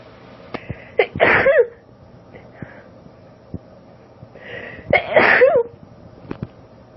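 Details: Female, recorded on a cellphone, allergic sneezing: two forceful uncovered sneezes, each preceded by short catching inhalations as the sneeze builds, then a forceful burst; sneezing.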